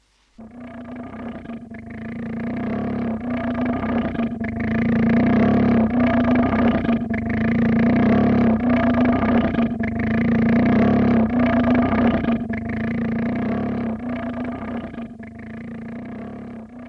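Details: 1964 recording of esophageal voice after laryngectomy, with the basic sound played back an octave lower; esophageal voice (pitch-lowered).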